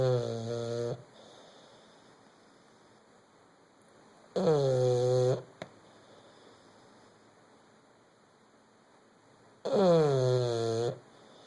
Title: Sir snores a lot